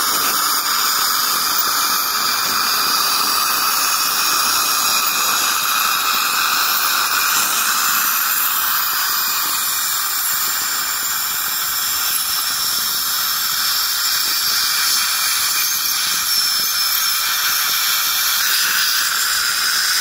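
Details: Ultrasonic scaler removing plaque and tartar during routine dental scaling: steady high-pitched whine with hissing water spray.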